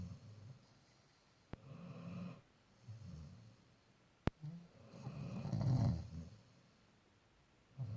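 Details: Sleeping Labrador dog snoring with low rumbling snores on each breath, about every one to two seconds, with an occasional snort.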